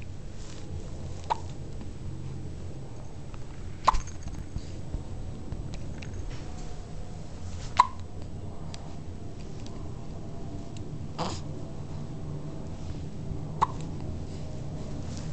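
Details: Brief, sharp hiccup sounds every few seconds, about six in fifteen seconds, over steady low room noise; ordinary hiccups.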